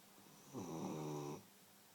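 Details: Beagle snoring in sleep: a single buzzing snore of under a second with a steady droning tone; owner says it is not as loud as it can get.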